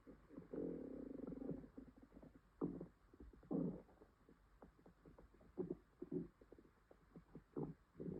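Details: Woman with an upset stomach (stomachache, diarrhea tagged): low gurgling rumbles and irregular bubbling bursts from the belly, stomach growling (borborygmi).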